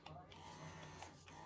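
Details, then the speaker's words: Bellababy electric breast pump running: steady low motor hum with soft rhythmic suction pulses about three per second. "this one is fairly loud i'll turn it on see if you can hear it and then when you have it on the table oh no it's not gonna do it because i guess the pump pieces are not but when it's on the table it makes a louder whining noise"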